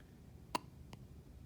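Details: Baby with hiccups being roused from sleep: two soft, abrupt hiccup clicks less than half a second apart under room hum; quiet hiccups.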